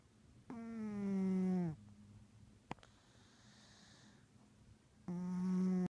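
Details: Orange tabby cat snoring while asleep: two low, buzzing, droning snores with a steady pitch, separated by a soft exhale; snoring.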